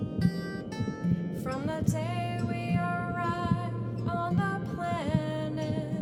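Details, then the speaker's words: Soft, steady heartbeat recording, about 70 a minute, fading in beneath guitar and a singing voice, made for pediatric music therapy with a song chosen by the family: heartbeat. "it will fade in with the heartbeat and that's the beat that you'll hear in the background"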